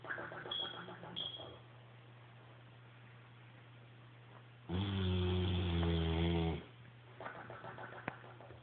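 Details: A large sleeping French Mastiff and Bullmastiff mix dog giving a loud, low, rumbling snore of about two seconds, with quieter breathing noises before and after.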